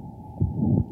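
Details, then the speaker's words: Heart sound recording of aortic stenosis, a calcified valve that doesn't open properly, causing a fast turbulent jet: a single heartbeat with a harsh, rushing murmur filling the gap after the first heart sound. "the valve doesn't open properly and then you get this really fast jet of blood going out of that narrow opening and that creates a bunch of turbulence if you can then pick up with your stethoscope"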